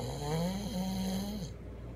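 One long, loud, buzzing, pitched snore lasting about a second and a half, then quiet room noise.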